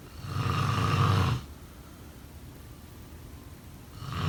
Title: Snoring sound …